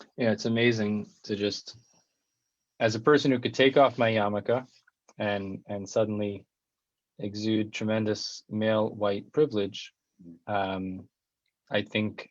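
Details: Adult male speaker; typical speech.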